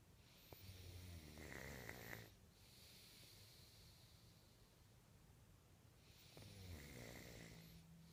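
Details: A sleeping person gives two long, low, rattling snores about six seconds apart, with quiet breathing between; ordinary snoring, recorded in 2014.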